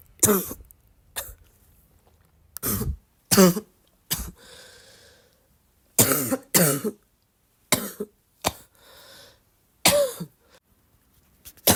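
About nine coughs, several in quick pairs, with a loose, rattly quality and breaths between them, fitting a wet, productive cough.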